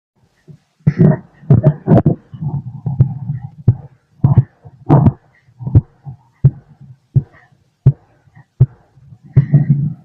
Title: The sound inside my body (heart & stomach) #auscultation #heartbeat #stomachgrowling #stomach #heart